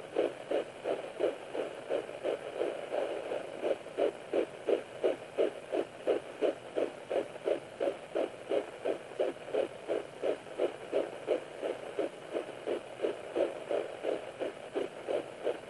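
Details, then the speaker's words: Fetal heartbeat on home Doppler at 9 weeks 4 days of pregnancy: rapid, regular galloping whoosh, about 160 to 170 beats a minute, measured 160 to 165 bpm. "the baby's heartbeat was measuring 160 to 165 beats per minute"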